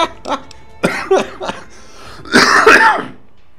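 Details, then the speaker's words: Run of short, harsh coughs ending in a louder, longer throaty cough-and-clear from an adult with a persistent, still-present cough, in a quiet room; cough. "Excuse me, as you can hear. My cough is still very much present."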